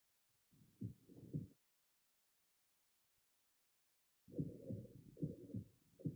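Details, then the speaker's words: 30-year-old man with exertional dyspnea, palpitations and bibasal coarse crackles; stethoscope at the mitral area gives a rough whoosh filling systole between beats, a grade 4 holosystolic mitral murmur that increases with Pachon's maneuver. "Bueno y con esto que integramos escuchamos un soplo en el foco osculator mitral y que este soplo es un soplo los sistólico que quiere decir que va en toda la parte de la sístole de intensidad 4"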